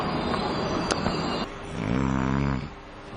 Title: SNORING IN METRO TRAIN